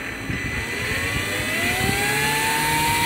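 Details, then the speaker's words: Steady motor whine rising in pitch with a rough low rumble beneath as an open-source ventilator turbine is driven by a 2 kHz PWM square wave from a signal generator, duty cycle stepped 10%, 20%, 30%, then back to 10%. "so now I am changing the duty cycle this is 10% 20% 30% now again this is 10% here you can see the deep cycle and here is the response"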